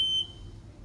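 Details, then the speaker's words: A single high-pitched beep, like a smoke detector, from a Homefill/Perfecto2 oxygen concentrator unplugged while still running: the power-loss alarm. "so the second arm that you might come across that you need to know that is the alarm that sounds if you lose power to the machine so if I unplug it while the machine is still on"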